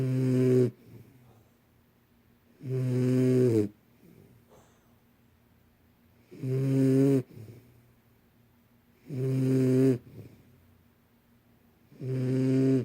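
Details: Two-month-old Shadow snoring in sleep: regular loud snores, each about a second long, roughly five per 13 seconds with quiet pauses; rhythmic sleep snoring.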